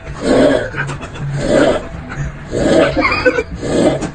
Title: Funny snoring #funny #fyp